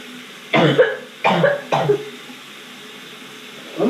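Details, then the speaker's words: Faked cough by a woman staging a coughing-up-blood prank on her boyfriend after recent wisdom tooth removal: three harsh, wet-sounding cough bursts in a small room; deliberately simulated. "what if I just like started coughing up blood like what the [ __ ] would Jordan do it's gonna be scary"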